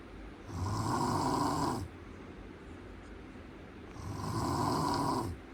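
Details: Two long, rough inspiratory snores about three seconds apart with quiet breathing between, in a small quiet room: ordinary snoring.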